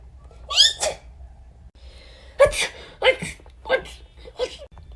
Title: Girls Sneezing vs Boys Sneezing #6